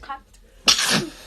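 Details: Sneeze, possibly triggered by a charcoal mud face mask: quick inhaled build-up, then one loud, sharp, hissing sneeze burst.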